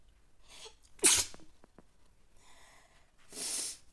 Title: messy sneezes and nose blowing #sneeze #sneezing